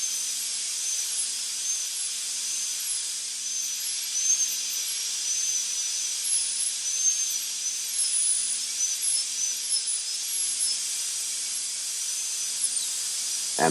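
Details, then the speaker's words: Dental drill in a Class II mesio-occlusal amalgam preparation on a natural tooth, cutting the occlusal grooves and extending toward the proximal surface while leaving an enamel shell at the marginal ridge. Steady high-pitched whine with small pitch dips as the bur cuts. "removing all defective areas after visualizing the accusal extension the operator re-enters the Burr and prepares the extension to the proximal surface leaving a shell of enamel at the marginal Ridge"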